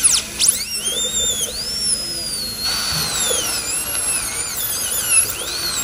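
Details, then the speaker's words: Dental drill with a high-pitched whine rising and falling, cutting a small trough of bone around a broken tooth snapped off flush at gum level to gain purchase for extraction by the root, before a dental implant. "What we do now with the drill is take some like a little trough of bone here and here."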